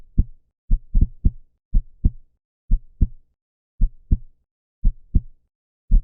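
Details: Human heartbeat sound-effect recording, described as 125 beats per minute, though it sounds like about 60 a minute; steady, paired, low lub-dub thumps over a quiet background: normal heart sounds.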